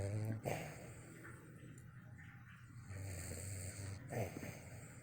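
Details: Snoring from a sleeping dog, Yogi, with twitching eyes: loud, rough snoring with a low rattling snore repeating on each breath.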